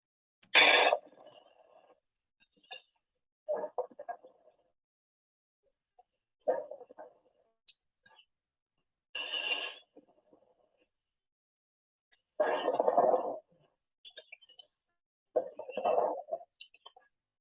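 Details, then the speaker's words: A teaching example of fine crackles in a respiratory auscultation lesson: short crackling bursts recur with each breath over a quiet background. "también es necesario aclarar que escuchar cómo sería este crepitante"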